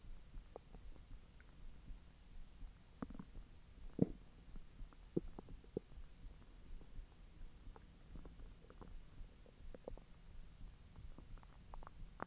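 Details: Belly recorded after eating hotdogs following 10 hours of an empty stomach: soft, irregular gurgles and rumbles with faint pops, ordinary digestive bowel sounds (borborygmi).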